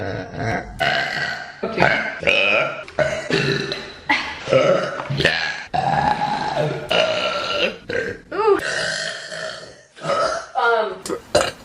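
A run of loud, drawn-out voiced belches one after another, with brief pauses between them; ordinary burping.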